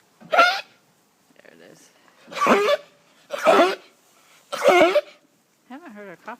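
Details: Coughing sheep: four harsh, forceful cough bursts about a second apart, followed by a short bleat.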